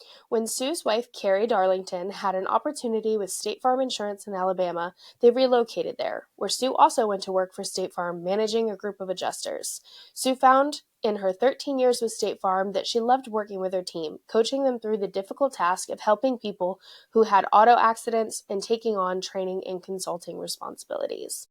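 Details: Adult female narrator; ordinary speech.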